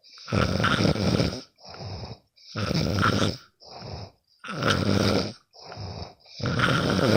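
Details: Loud, rough snores on each breath in with softer breaths out, about 8 breaths a minute, recorded from a friend asleep: ordinary snoring in sleep.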